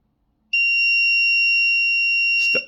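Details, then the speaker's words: Apnea monitor alarm from a homemade sleep apnea detection device (apneometer), demonstrated by deliberately stopping breathing; steady high-pitched buzzer starts abruptly after the default 15-second apnea threshold and holds. "when you stop breathing after 15 second you will because the up time is set to 15 second."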